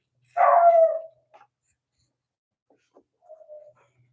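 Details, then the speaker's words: Adult man sneezes while oiling wood in his workshop, a sneeze he says sounds like a dog bark. "My sneeze, sorry, excuse me. When I sneeze, it sounds like a dog bark."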